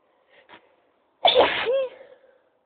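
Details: Short intake then one sharp, high-pitched sneeze trailing into a squeaky tail, during a sneeze attack; sneezing.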